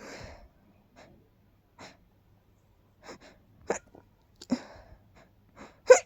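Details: Person feeling very sneezy with tickly, rapid sneezes: a run of short, breathy, held-back sneezes in a quiet room; stifled sneezing.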